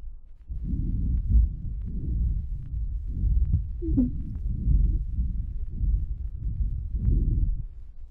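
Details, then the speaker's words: 4.5-year-old asthmatic child's breath sounds: on deep breathing, brief clicks from small mucus plugs that then clear. "Segundo, note la desaparición de tapones mucosos pequeños a la respiración profunda."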